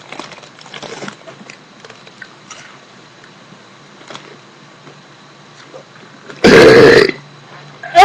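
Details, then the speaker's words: A young woman deliberately burping while drinking, swallowing air to bring it up: quiet room noise, then one loud, long, throaty belch lasting about half a second; burping. "oh I got air stuck right here they're getting better they're getting better this is not a good day for my burps but I'll continue hold on"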